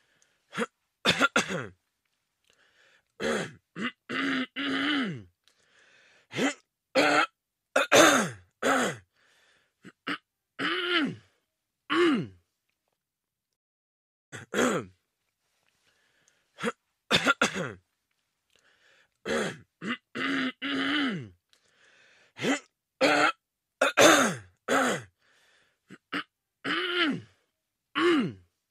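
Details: Acted throat clearing sound effect, repeated short harsh rasping bursts with a voiced grunt in a quiet room: throat clearing.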